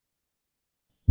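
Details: Mitral stenosis, Duroziez rhythm: sharp S1, S2, then a long low diastolic rumble before the next sharp heart sound.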